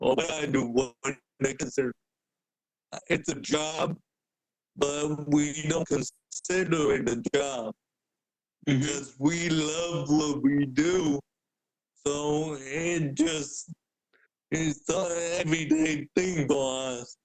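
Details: Adult man born with cerebral palsy, a wheelchair user with physical limitations, for whom speaking is noted to be hard; dysarthria (cerebral palsy).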